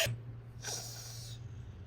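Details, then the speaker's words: Simba, a pet, snoring while taking a nap indoors: a brief snort, then a soft airy exhale over a steady low rumble, with quiet room noise behind it. "You can probably hear Simba snoring in this video because yeah, he's taking his nap. Does he have a care in the world? No, of course not."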